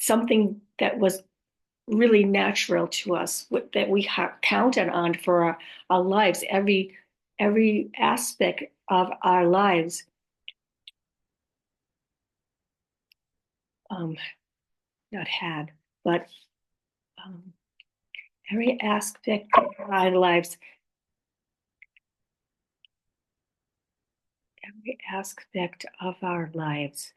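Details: Adult woman with aphasia, apraxia of speech and dysarthria, possibly after a stroke or similar event; aphasia with apraxia of speech and dysarthria.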